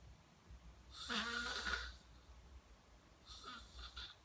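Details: A harsh, whistling, rattly snore on one breath, followed by a softer, noisier breath; snoring.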